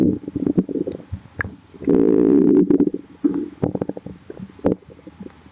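Gurgling, bubbling rumbles with a longer drawn-out growl midway: ordinary stomach growling from gas and fluid moving through the gut.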